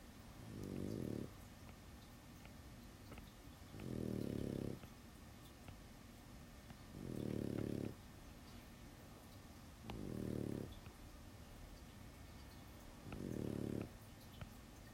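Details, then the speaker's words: Dog asleep in the background of a drawing session, snoring: soft, low rattling snores recurring about every three seconds, roughly 20 a minute, over quiet room noise. "Yeah, if you're coming in late, that sound in the background is my dog snoring."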